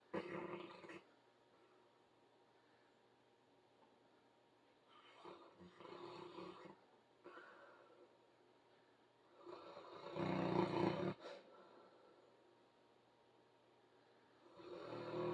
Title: The snoring beast